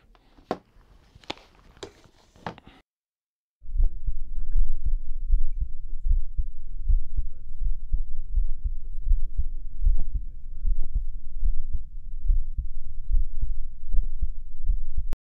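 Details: Homemade stethoscope fitted with a small microphone plugged into a smartphone, experimental recording: a few taps, then regular low thumps at about 76 beats a minute with steady rumbling handling noise; heartbeat.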